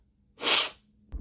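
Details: Girl sneezes once, a sharp hissing sneeze set off by a Covid-19 nasal swab test; sneeze.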